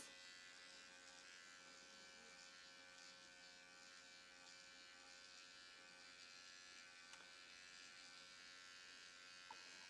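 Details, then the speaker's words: Soft, steady high-pitched buzz in a quiet room: AOS Nano Pen on the blue setting treating the user's own crow's feet and eye area with gold serum, using small soft circles, at home. "And the eye area, I tend to really like little soft, floaty circles."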